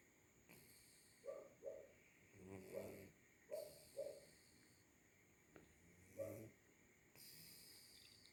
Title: Snoring kitten